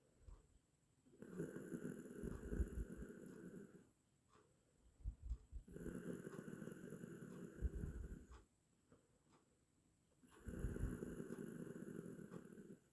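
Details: Long, fluttering snores at about 13 a minute, with snuffly breaths between them and a faint background hum; from an 8-minute snoring sound-effect recording.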